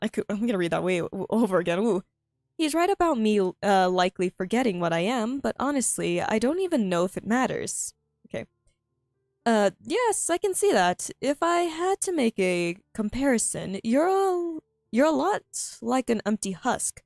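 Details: Stuttering in a female streamer who says she stutters a lot and finds reading difficult, heard while reading her own story aloud; this stretch has repeated phrases and fillers.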